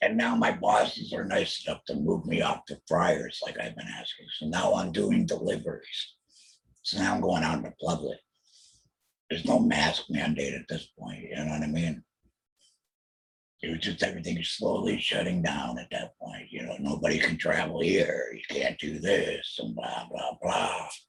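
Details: Adult male throat cancer survivor, laryngeal squamous cell carcinoma treated in 2020 with total laryngectomy plus chemotherapy and radiation, who mentions using an electrolarynx; alaryngeal (substitute) speech after total laryngectomy.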